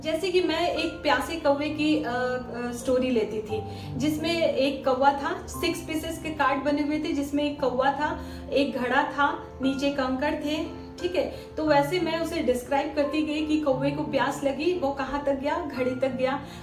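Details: Adult woman speaking Hindi; normal speech.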